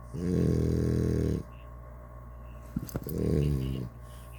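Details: Blue snoring: two long, low, buzzing rattles on the breath separated by quiet pauses; loud snoring.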